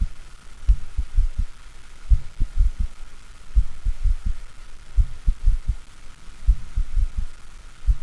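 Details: Simulated heart sounds of mitral stenosis: each beat followed by an opening snap and a low-pitched diastolic rumbling murmur lasting until mid-diastole; simulator shows enlarged left atrium, thickened mobile mitral leaflets.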